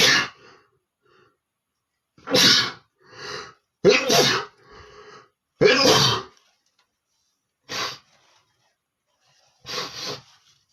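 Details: Male sneezing repeatedly: several loud, sharp sneezes, each with a brief in-breath before the burst, plus a nose blow; sneezing.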